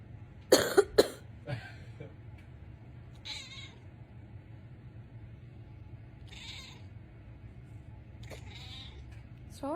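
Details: Three quick, harsh adult coughs, then a cat answers with several short meows, seemingly bothered by the coughing; a plain cough.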